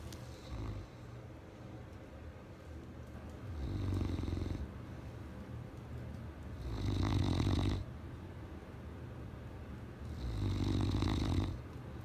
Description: My great Pyr, Titan, loves to sleep on my lap- he snores